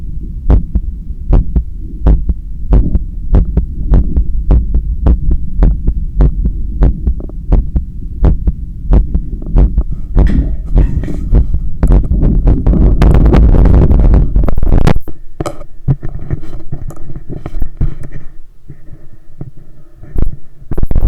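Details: Self-recorded stethoscope strapped to an adult's own chest during bicep curls with a resistance band: steady, fairly quick heartbeat with rubbing and scraping movement noise partway through: heart sounds during exercise.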